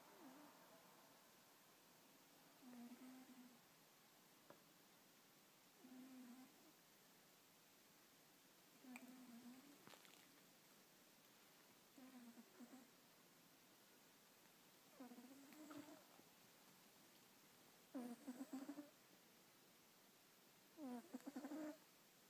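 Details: Sleeping cat snoring softly and regularly, about seven snores over twenty seconds, in a quiet room.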